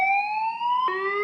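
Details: AED charging warning tone during a Korean first-aid demonstration of an automated external defibrillator with adult pads, as the device prepares to deliver a shock.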